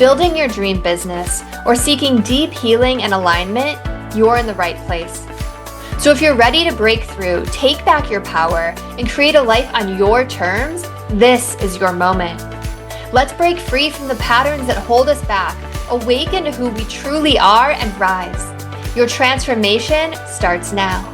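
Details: Adult woman speaking; normal speech.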